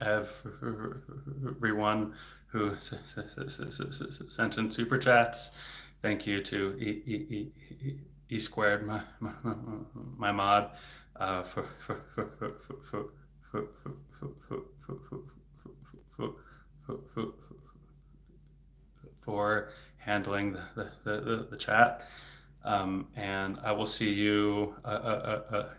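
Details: Adult male speech-language pathologist who has stuttered since age eight and had speech therapy off and on until his early 20s; word and part-word repetitions audible; stuttering.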